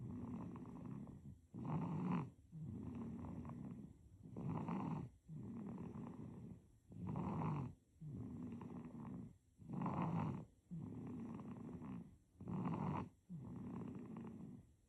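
Rhythmic snoring during sleep, louder rasping on one phase and softer on the other, about 11 breath cycles a minute.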